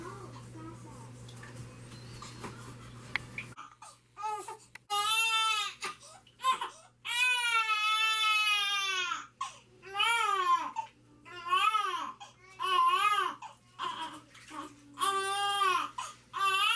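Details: Repeated loud wailing cries with breaths between them from a 3-week-2-day-old baby boy during his first bath; he is described as hungry.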